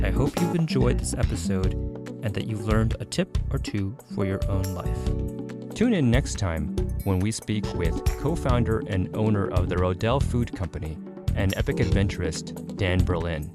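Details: Adult male speaker, with background music; normal speech.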